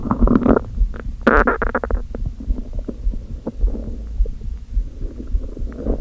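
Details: Hunger stomach growling after eating nothing all day except coffee, with hunger pangs: gurgling, rumbling noises with bubbly bursts and clicks from an empty stomach.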